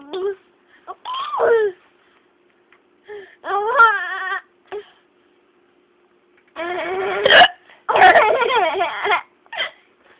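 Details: A mother's hiccups: three or four sharp, abrupt adult hiccups between bursts of her baby's squealing laughter.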